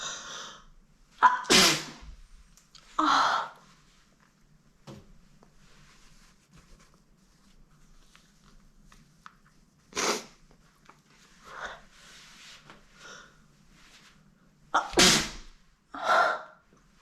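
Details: A girl with a tickly nose sneezing onto a mirror: several forceful, wet sneezes, some preceded by a quick catch of breath, with quiet pauses between.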